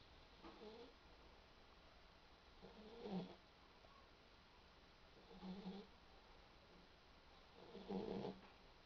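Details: Sleeping boxer dog, dreaming: four rough, slightly voiced snoring bursts about every two to three seconds over quiet room noise.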